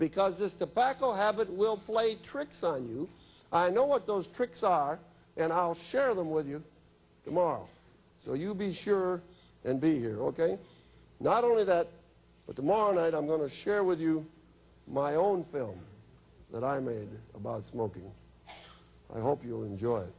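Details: Adult male speaker; normal speech.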